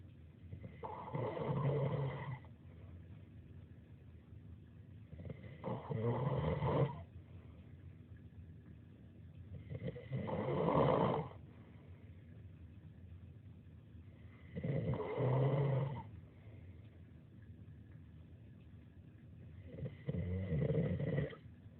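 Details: Adult who only recently found out they snore: five loud, rough snores at regular intervals, about 13 breaths a minute, with quiet pauses between; snoring.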